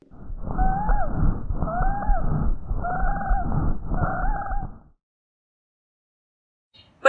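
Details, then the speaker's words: Lung auscultation example of wheezes, which are squeaky sounds from narrowed airways, often on exhalation. Four rapid breath sounds, each with a continuous musical whistling tone. "las sibilancias que son ruidos chillones producidos por las vías aéreas estrechas y a menudo se pueden presentar cuando una persona exhala"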